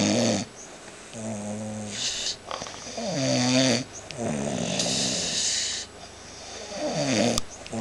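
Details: Woman snoring while asleep on a couch: loud, rattling breaths in and out, some with a droning, fluttering tone, about 17 a minute; heavy snoring.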